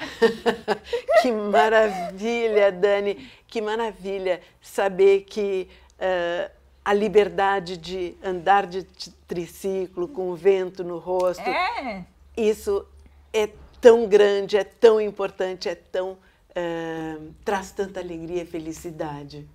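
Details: Adult woman speaking Portuguese; normal speech.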